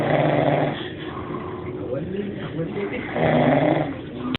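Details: A sleeping dog snoring: loud, rough snorting snores, two strong breaths with a low rumbling rattle.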